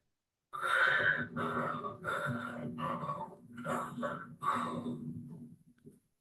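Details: Noisy, bubbling breath sounds over about five breath phases, played in EMT class teaching on lung sounds: coarse crackles, typically present when much phlegm and fluid is in the airways.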